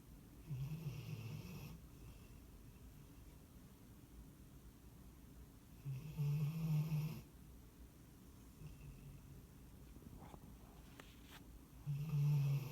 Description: Ben the Staffy snores the night away.